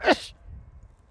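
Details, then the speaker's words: A staged sneeze demonstrating the wrong way to sneeze, in a COVID-19 hygiene demonstration: a single sharp, explosive sneeze that fades quickly into quiet room noise. "No. This is not the way to help yourself and your colleagues or your friend or family. If you have a sneeze like this, what you need is this."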